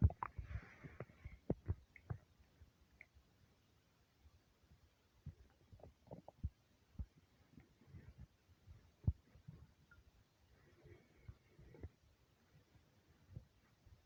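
Soft, scattered low gurgles and clicks from the belly over a quiet background: stomach rumbling from hunger.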